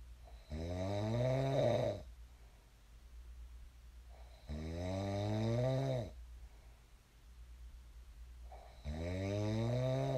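Three loud, rumbling snores on breathing in, about 15 a minute, each followed by a quieter breath out; regular snoring in sleep.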